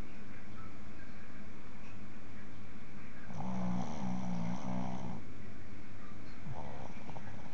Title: Butter is snoring